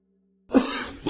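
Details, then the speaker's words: A single harsh cough burst from an adult man who has lost his voice since Sunday and has a lingering cough, after a brief faint tone; a cough. "Minha voz está tá voltando aos poucos essa tosse que não sei mais o que fazer"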